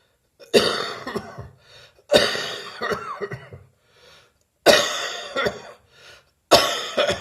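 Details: Adult recovering from bronchitis with a still-present but much drier cough: four bouts of harsh, dry coughing, each a strong burst followed by weaker coughs.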